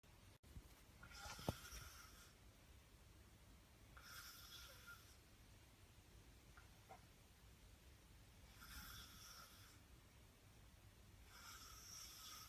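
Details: Soft, breathy snores at irregular intervals over steady room noise; light snoring.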